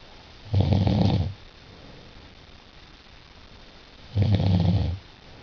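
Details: Snoring at night during sleep: two loud, low, rattling snores, each under a second, separated by quiet pauses of about three seconds; ordinary snoring.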